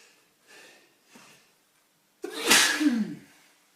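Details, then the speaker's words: Adult man deliberately inducing sneezes with detergent powder, nose itching: two quick indrawn breaths, then one loud explosive sneeze after a short build-up. "It's working. It's making me sneeze. Sneezing's intense."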